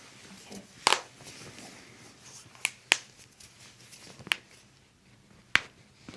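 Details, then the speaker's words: Chiropractic toe adjustment: five sharp, separate joint-cracking pops (cavitation) over a few seconds in a quiet room. "okay i'm gonna crack your toes now okay"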